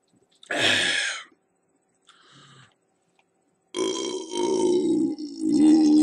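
A short burst, then after a pause two long, loud, rumbling belches; deliberate burping after drinking a carbonated drink.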